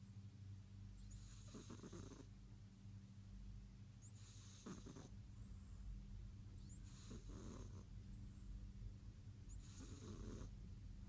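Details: Sleeping cat snoring loudly: four rattling snores, about one every two to three seconds, over a steady low hum.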